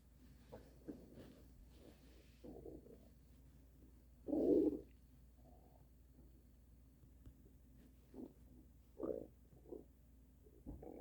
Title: extreme stomach noises - THUNDER Stomach